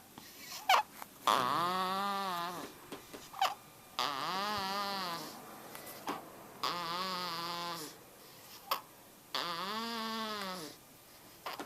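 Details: Two-month-old baby girl snoring badly while asleep in a parent's arms: repeated drawn-out, voiced, nasal grunting sounds with each breath, about 22 a minute, with quiet gaps between; noisy infant breathing.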